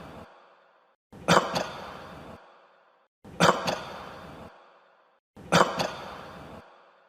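Three forceful cough bursts at regular intervals, each followed by a short rasping tail and a quiet pause.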